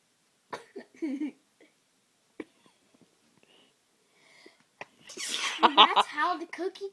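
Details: A boy's brief speech and quiet pauses lead into a sudden forceful sneeze with sharp intake and loud burst of air, then a short vocal sound; demonstrating sneezing on command.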